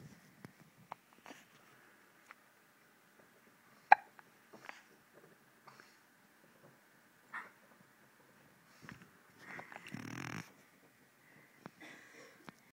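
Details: Baby hiccuping in a quiet room: brief, sharp gulping clicks repeating irregularly, about every second or so.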